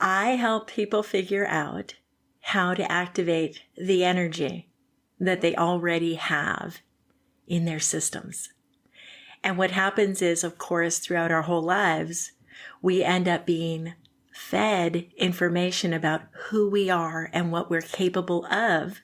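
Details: Adult woman speaking; typical speech.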